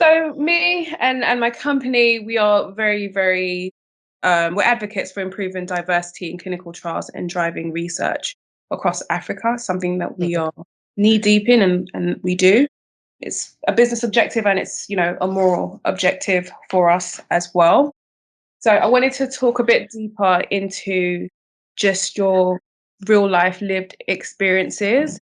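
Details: Adult woman speaking; ordinary speech.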